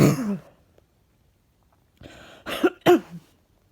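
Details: A short vocal sound, a pause, then a sniff and two quick, fairly dry coughs from someone feeling something stuck in the chest and out of breath; cough.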